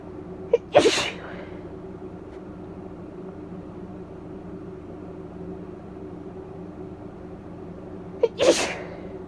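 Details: Two forceful sneezes about eight seconds apart, each preceded by a quick catch of breath, over a steady room hum, from a female with a barking cough and bronchitis.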